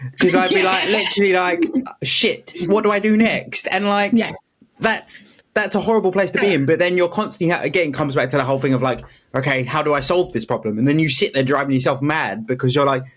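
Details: Adult speaker in conversation; normal speech.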